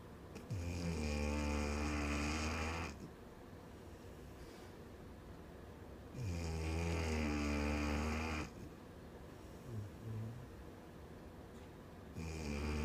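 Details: Dog snoring heavily in sleep: loud, deep rumbling snores of two to three seconds at about ten breaths a minute, with quieter out-breaths between.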